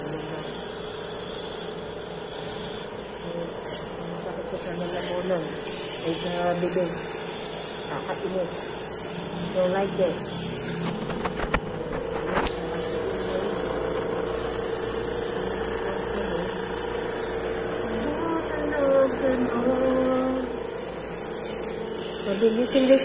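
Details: Steady mechanical hum with constant airy hiss from a running nebulizer compressor (Pulmo Aide) delivering salbutamol (Ventolin) mist by mouthpiece to a patient hospitalized for an asthma attack.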